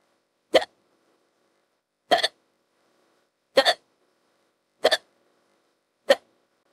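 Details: Simulated, AI-generated female character hiccups, audio extended with added hiccup clips: five short, sharp gulps about every 1.4 seconds in silence; hiccups.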